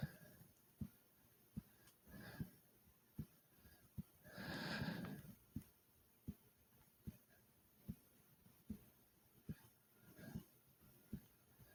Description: i did alot of jumping jacks which made my breathing heavy and my heart was fast like comment subscribe and enjoy #heartbeat #breathing #subscribe